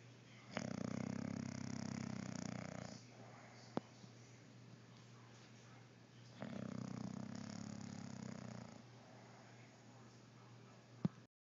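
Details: Slow, steady snoring: two long, low, rumbling breaths several seconds apart, with quiet gaps and faint clicks.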